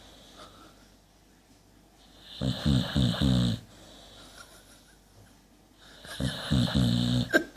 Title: Delta the boxer snoring